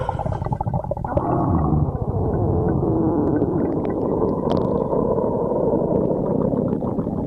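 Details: Stomach growling (borborygmi): a continuous low gurgling rumble with shifting watery tones lasting about seven seconds.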